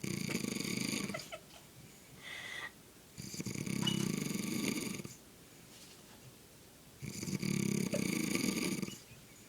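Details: Man asleep snoring very loudly: three rattling snores on the in-breath with quieter breaths between, about 15 breaths a minute; snoring.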